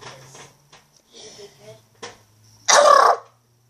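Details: Child talking quietly, then one loud, abrupt sneeze with a brief in-breath before it; normal sneeze.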